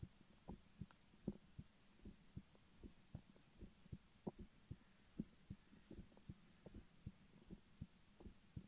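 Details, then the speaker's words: Heartbeat heard through a stethoscope in an ASMR recording: regular soft low thumps at about 77 beats a minute over a faint hum. Normal heartbeat. "I don't know if I'll be able to do my heartbeat. We'll see."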